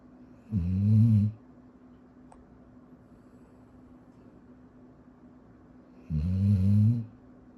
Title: Koko snores in his sleep